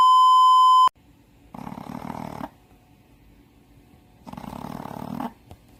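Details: Snoring from a Shih Tzu dog, estimated 7–8 years old, blind in the left eye, after nostril-widening surgery: two rasping, fluttering snores about three seconds apart after a short beep, in a quiet room.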